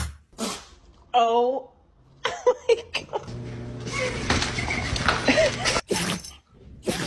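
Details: Several short, sharp bursts of air from dogs, sneezes mixed with room noise and brief voices; compilation of dog sneezing.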